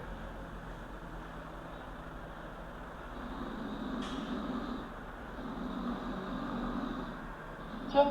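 Two rough, low, droning swells of about a second and a half each rise over steady background hiss, consistent with snoring breaths.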